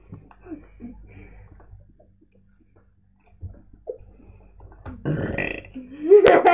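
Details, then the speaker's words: Voluntary long, loud, rumbling burp near the end of a playful burping contest between friends, after soft talk and with laughter. "I'm going to do a burping collection with my friend here."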